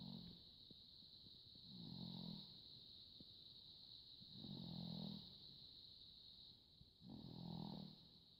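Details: Three low rumbling snores about every 2.7 seconds, roughly 22 per minute, over a steady high-pitched hum in a quiet room; ordinary snoring.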